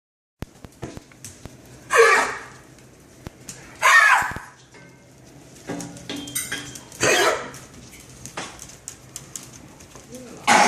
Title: cough